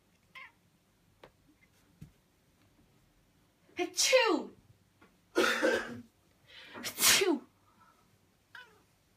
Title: Sneezing causes this!